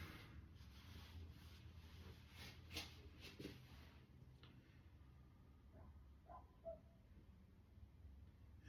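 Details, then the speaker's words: Normal bowel sounds on stethoscope auscultation over the hypogastrium and mesogastrium during an abdominal exam demonstration, after palpation found no hepatomegaly and percussion found no abdominal fluid. "por el hipogastrio En lo cual se escuchan ruidos aéreos normales vamos con el mesogastrio igual seguimos escuchando eh ruidos aéreos hidroaéreos normales"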